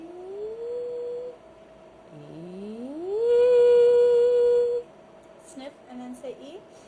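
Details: During an office vocal fold evaluation with stroboscopy, in a talk on age-related vocal fold atrophy and dysphonia, the patient sustains 'E', glides from low to high pitch, sniffs, then says 'E' again.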